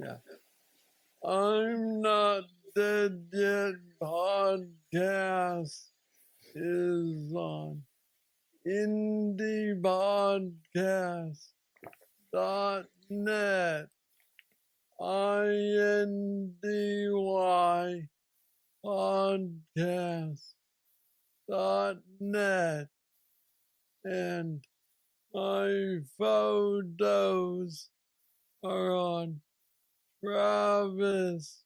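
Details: 46-year-old man with Parkinson's disease diagnosed at 35, about 11 years ago, which he describes as the most aggressive form, with mobility struggles and a deep brain stimulator implanted 2 years after diagnosis; real patient; slow, halting speech; Parkinsonian dysarthria.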